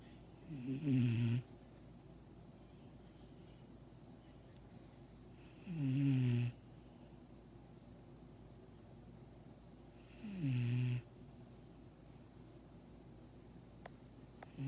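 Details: Six-month-old Vizsla dog snoring while asleep: three low, rumbling snores about five seconds apart, roughly 12 a minute, with quiet room noise between.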